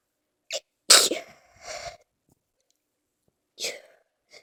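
A short breath in, then a loud explosive sneeze. A quieter second burst follows, and a small third one comes after a pause. Ordinary sneezing.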